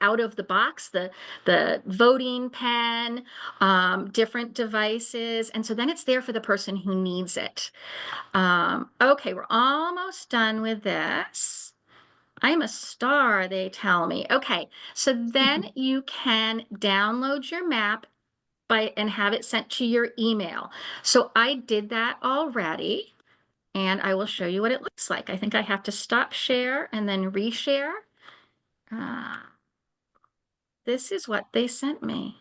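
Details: Adult woman speaking; normal speech.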